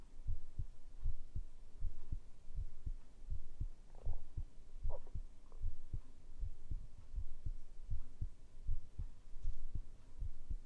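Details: Heartbeat recorded with a binaural microphone for ASMR sleep audio: steady paired low thumps, about 78 beats a minute, over a soft hum; a regular, normal heartbeat.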